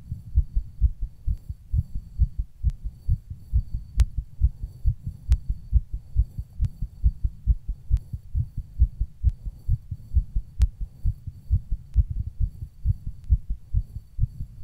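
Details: Own heartbeat recorded while rebreathing in a plastic bag: regular low paired thumps at roughly 68 per minute, steady throughout.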